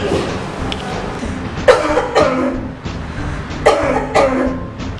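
Several short acted coughs in a row over background music; a plain cough demonstration.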